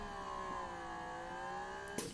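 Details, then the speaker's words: Freemie Rose electric breast pump on its turbo setting, during a review: steady, slightly wavering motor whine ending in a click; electric breast pump running. "I always go through my reviews so you can hear the pump to get a sense of how fast it is."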